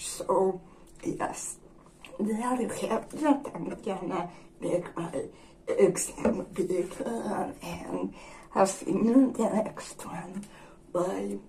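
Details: Woman with generalized dystonia, disabled since at least her high-school years; dysarthria in generalized dystonia.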